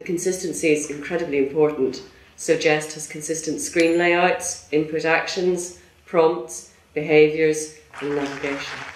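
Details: Adult narrator; normal speech.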